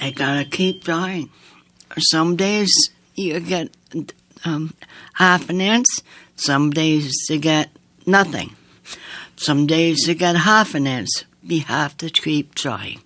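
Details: Woman living with aphasia after strokes, who has regained some speech; aphasia.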